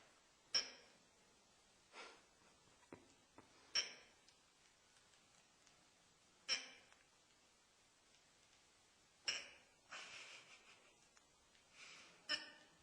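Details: Woman with a fast case of hiccups: sharp, brief involuntary catches repeat about every three seconds in a quiet room.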